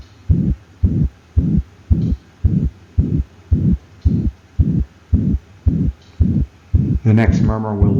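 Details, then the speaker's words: Systolic murmur between S1 and S2: regular heartbeat near 110/min with a soft whooshing murmur after each first sound. "murmurs can be classified by timing within the cardiac cycle and the first murmur we'll listen to is a systolic murmur this murmur happens between s1 and s2 so"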